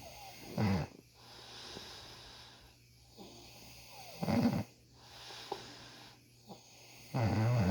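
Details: Man having tough ingrown beard hairs treated, snoring loudly: loud, rough, low snorts every few seconds over a steady room hum, with softer breaths between them.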